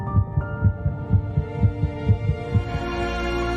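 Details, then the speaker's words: Fetal heartbeat presented at 3 weeks 1 day (22 days after fertilization), with music: rapid regular thumping at about 130 per minute. "at 3 weeks in one day just 22 days after fertilization heartbeat can be"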